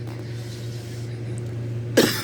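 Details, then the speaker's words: Adult two weeks ill, hoarse throat, runny nose and fever now gone, with a lingering cough worse at night during sleep: a single harsh cough after a quiet stretch over steady background hum; persistent cough. "tapi yang masih tersisa sampai saat ini adalah penyakit batuk yang sangat menjengkelkan batuk ini dia selalu kumat ketika malam hari ketika waktu tidur"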